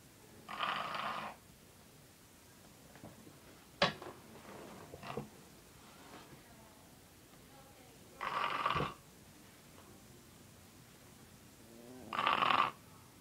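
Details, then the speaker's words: A loud snorer asleep: three rasping snores about four seconds apart, roughly 15 a minute, with faint room sounds and clicks between them; snoring. "You're snoring. You're snoring. What are you doing? You were snoring."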